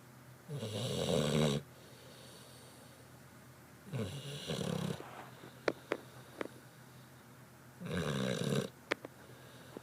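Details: Three rough, rattling snores about two seconds apart, with faint clicks and snuffles between them: ordinary snoring.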